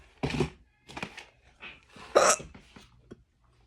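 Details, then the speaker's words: Several abrupt, short voiced gulps in quick succession, about five in under four seconds: hiccups in a home recording. "here's a nice little hiccups boring video but still why not"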